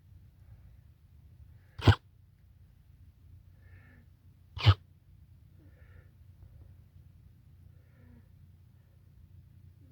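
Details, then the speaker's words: Two short, sharp explosive coughs a few seconds apart outdoors from Blue, a young alpaca hoping for milk; owner wonders if something is stuck in his throat; still coughing an hour later, recovered by 10pm. "so what's going on Blue what's this cough all about do you have something stuck in your throat huh or do you have a cough which is it"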